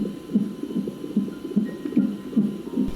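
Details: Fetal heartbeat of a first pregnancy on a fetal monitor in the final moments before delivery: rapid, regular, whooshing thumps at about 140 a minute over a steady hum.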